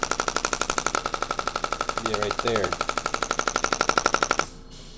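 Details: Shockwave therapy device on a chiropractic patient's lower back, comfort setting ramping up, later ending at 3.5; rapid regular mechanical clicking pulses about four per second, brief voice, stops near end.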